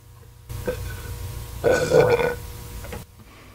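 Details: A young woman burping: one long, loud, voiced belch with a rumbling tone, lasting under a second, after softer throat sounds; ordinary burping.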